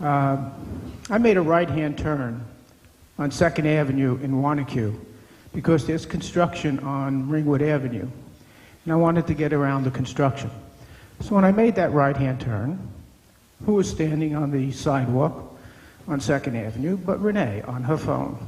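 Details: Adult man speaking to an audience; normal speech.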